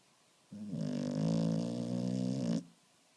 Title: Finnish Lapphund Bandit Snoring